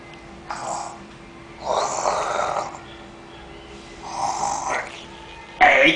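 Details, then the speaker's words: Snoring just after lying down to sleep and closing the eyes: several breathy, snorting breaths with a soft rattle, a steady hum behind them and a loud noise at the end; light snoring. "Menin deitou pronto fechou o olho agora ronca"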